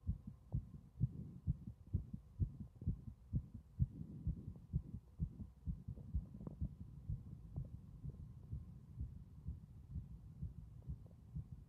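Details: Strong heart sounds throughout: regular thumps at about 128 a minute, fast but regular, against a faint hum.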